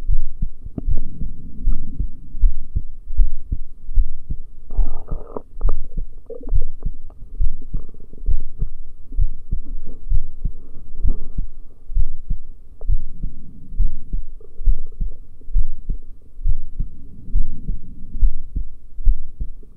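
Regular low thumping heartbeats, about 68 a minute, with some stethoscope rubbing noise; ordinary heart sounds over a valve listening area.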